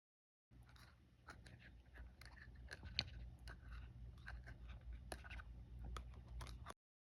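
Rapid irregular gritty clicks and scraping of teeth grinding against each other, deliberately imitated by an adult.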